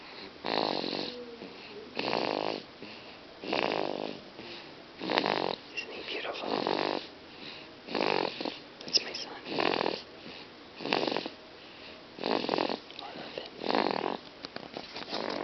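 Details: Snoring in a male after his baptism: regular noisy snores with each breath, about 40 a minute, separated by quiet pauses.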